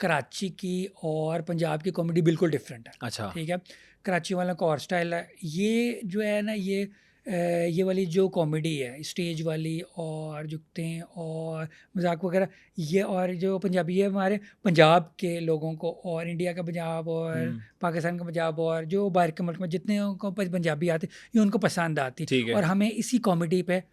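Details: Stuttering since childhood in an adult male comedian and host, speaking Urdu/Hindi in an interview.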